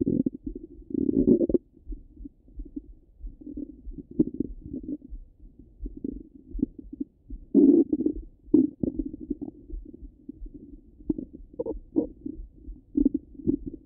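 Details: Stomach rumbling at the abdomen: irregular low gurgles and rumbles coming and going, ordinary bowel sounds of normal gut movement.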